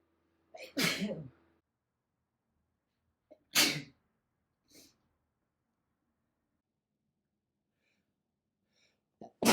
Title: compilation of my sneezes